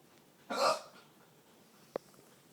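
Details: Person hiccuping and burping while buying movie tickets, complaining of chest pain; a breathy vocal burst followed by a single short, sharp throat click; hiccup.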